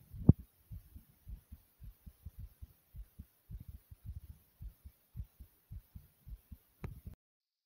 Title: My Heart Pounding Loud